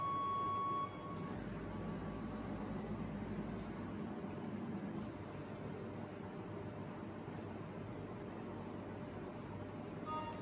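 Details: Dräger anesthesia workstation at power-on: a steady electronic alarm tone sounds briefly, then gives way to fan and room hum; the machine's automatic alarm system self-test, a normal check.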